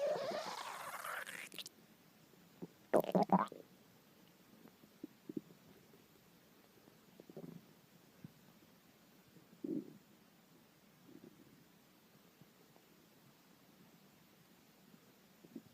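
Quiet, irregular gurgles and brief rumbles after a louder rustle at the start; ordinary stomach growling from hunger.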